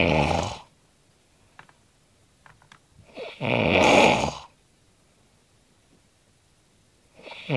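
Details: Heavy snoring in a sleeping man known for loud, varied, animal-like snores: loud, harsh snores with long quiet gaps, about 16 a minute, in a quiet room.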